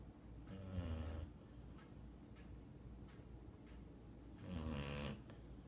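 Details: Dog snoring during sleep: low, rattling snores on each breath with quieter breathing between them.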